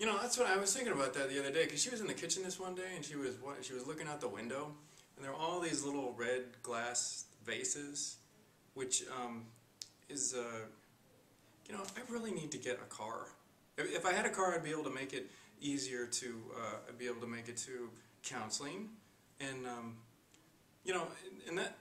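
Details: Acted client example in mental status exam training; flight of ideas.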